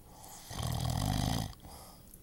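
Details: One deep, rattling, low snore lasting about a second in a quiet room: snoring.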